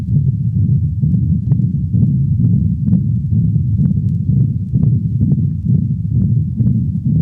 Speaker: listen to the continuous machinery murmur of a patent ductus recorded at the cranial thoracic wall of a dog